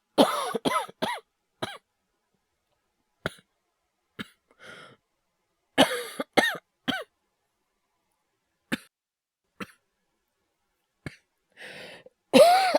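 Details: Simulated coughing performed by a male voice actor for an acted cough compilation: several bursts of two to four dry coughs with breaths between, about fifteen coughs in total; not a real illness.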